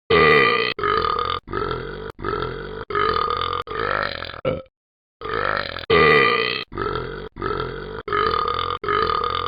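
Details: A male gives a run of about thirteen long, loud, throaty burps with brief breaks between them; repeated burping.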